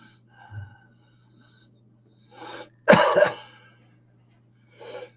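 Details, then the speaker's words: Adult with congestion of unknown cause, choked up around the nasal passages, coughing: one harsh, loud cough burst between softer breaths and throat noises, over a low room hum. "the reason they're doing this is because I'm not sure um what's causing the this congestion that I've now seemed to have this coughing and this you'll hear it all choked up around the nasal passages"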